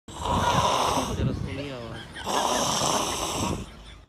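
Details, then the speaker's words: Snoring: two long, loud, rattling snores drawn in on the breath about two seconds apart, with a quieter breath between them. "आप भी हैं इस तरह खर्राटे से परेशान, या आपके कोई परिवार संबंधी भी हैं इस तरह से परेशान?"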